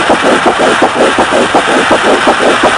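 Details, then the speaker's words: Fetal heartbeat at 6 weeks 5 days after conception, picked up by an ultrasonic stethoscope (Doppler) placed over the pregnant woman's lower abdomen: rapid, regular whooshing pulses over a steady hum, about 165 a minute. "when you get right above that tiny little heart the ultrasound waves are reflected and then they're broadcast through this let's listen to the heartbeat of a baby 6 weeks and 5 days old"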